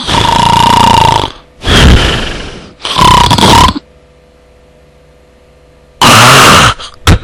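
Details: Snoring: very loud, coarse, snorting, gurgling snores in a rapid burst, followed by a pause and another loud snort.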